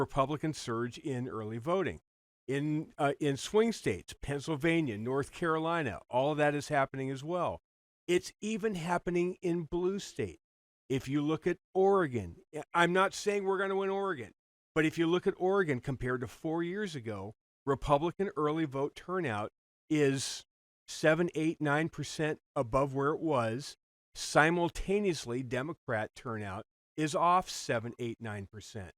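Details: Adult man speaking; normal speech.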